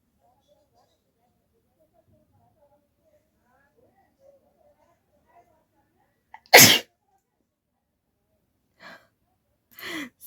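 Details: Woman doing a sneezing challenge without a handkerchief, inducing sneezes by poking rolled folded paper into her nose: quiet room, then one loud explosive sneeze followed by two shorter breathy bursts.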